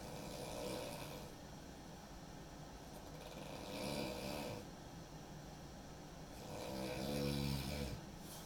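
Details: Rough, rattling breathing noise rising and falling with each breath, about three cycles in eight seconds; snoring.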